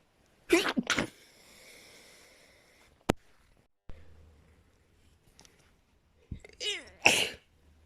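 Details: Person with extremely desperate sneezing: several sharp, explosive sneezes, some in quick pairs, with a wet nose blow between them.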